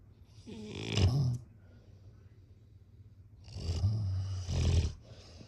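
Two deep rumbling snoring breaths with a pause between, the second drawn out with a rattling peak.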